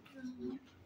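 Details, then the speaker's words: Imitated stridor: a brief, harsh, high-pitched tonal breath noise made by an adult to show the pathological breathing sound of a lower respiratory infection involving the larynx, audible without a stethoscope. "El estridor es un sonido que se usa patológicamente cuando respiras, ¿no? Algo así, ¿no?"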